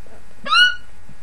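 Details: Real, spontaneous hiccups, not faked: a single sudden high-pitched squeak rising and falling quickly, an unusually squeaky hiccup, one of a lasting bout.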